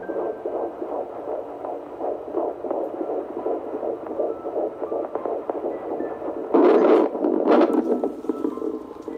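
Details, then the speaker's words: A midwife holds a Doppler to the belly at a 13-week pregnancy appointment, the first time the heartbeat was heard. Fast, regular whooshing fetal heartbeat at 160 beats per minute, which is normal. "Yeah, and at that, the baby's heartbeat was 160 beats per minute, which is very normal, she said."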